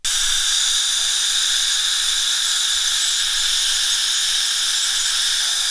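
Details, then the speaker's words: Ultrasonic scaler with water lavage cleaning around the brackets, teeth and gums of a patient with braces, in a reenacted cleaning: continuous high-pitched hiss and whine with water spray. "so this water lavage is great in flushing everything away from the teeth the brackets and the gums"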